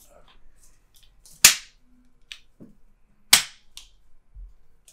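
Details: Two sharp, crisp cracks about two seconds apart from joint cavitation during a chiropractic adjustment, with head turning near the T6 and neck region, of a retired professional dancer with chronic left shoulder clicking.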